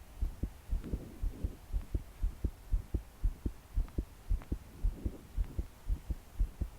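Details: 22-year-old woman's strong, rapid thumping heartbeat, about 118 per minute, with soft breathing while trying to calm down to sleep; deep breaths didn't help; body shaking with each beat; steady rain hum behind; pounding heartbeat.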